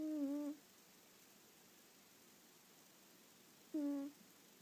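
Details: Cat snoring while asleep on a lap: two brief, tonal, whistling-hum snores about three seconds apart, with quiet between, in a small quiet room.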